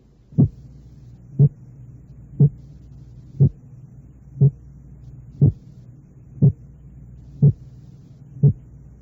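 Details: Simulated heart sound teaching recording: split heart sound with components 0.04 s apart.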